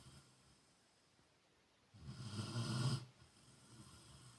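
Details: Sleeping Rottweiler: one deep, rumbling snore lasting about a second, with quiet breathing between breaths; ordinary snoring.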